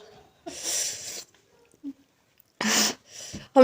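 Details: Two short, explosive sneezes with a breathy onset and brief voiced sounds between them, recorded during a 2x spicy noodles eating challenge; sneezing.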